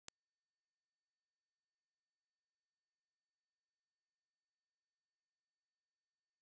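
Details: Simulated tinnitus: steady, very high-pitched 13500 Hz pure sine-wave tone used as a masking sound; tinnitus ringing simulation.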